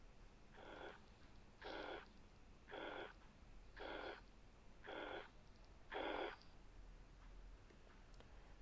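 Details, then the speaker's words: Pansystolic murmur of mitral and tricuspid regurgitation in a teaching recording: a blowing murmur lasting from S1 to S2 that is lower and softer than the harsh murmur played before it. "في صوت عالي قوي هارش جدا، والصوت التاني حاسين ان هو واطي شويه، سوفتر اكتر. تمام. مسموع برضو من اول اس 1 لحد اس 2. ده الميرمر اوف mitral regurg and tricuspid regurg."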